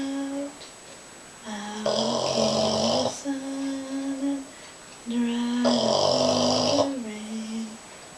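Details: Sleeping Boston Terrier snoring: rhythmic loud rattling snores on breaths in, with whistling, tonal noises between them; snoring.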